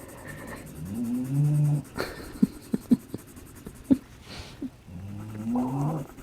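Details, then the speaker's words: Hound dog snoring loudly while sleeping and warming in the sunshine: two long, low, rumbling snores with quiet ticking sounds between them. "can you hear my dog he's snoring like he's in the sunshine and he's I'm sure you can hear him he's very loud"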